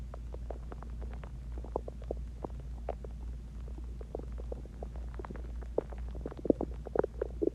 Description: This is my stomach growling after I ate chinese food and I drinked water and I managed to record my stomach longer but I will try doing 1hour of stomach sounds and heartbeat sounds.